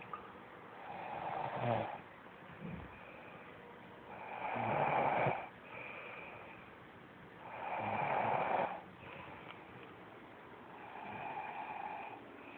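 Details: Adult woman asleep, slow, regular rattling breaths about 18 a minute with harsh noise on each in-breath: snoring.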